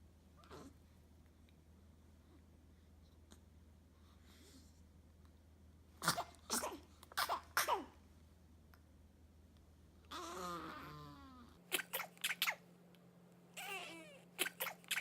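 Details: Identical twins sneezing in sync: several sharp, explosive sneezes, some paired in quick succession, with short inhaled catches before them.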